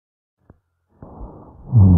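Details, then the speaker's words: Rhonchi in a teaching lung-sound recording: low, coarse rumbling breath sounds like true snoring, from secretions in the larger airways. "eso parecieron verdaderos ronquidos No es cierto"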